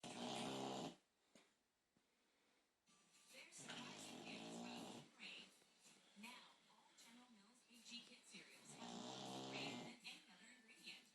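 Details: Female bulldog in deep sleep snoring: loud rattling snores, several long noisy breaths with quieter pauses, typical flat-faced dog snoring.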